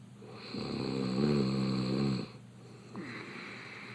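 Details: A Big Brother Brasil 19 contestant open-mouth snoring in bed: one long, loud, rattling inhaled snore followed by a quieter breath out.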